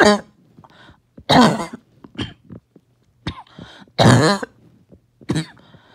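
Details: The first coughing fit of the day: several harsh, congested coughs with throat clearing as the mucus will not come up; wet cough.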